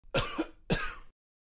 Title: Coughing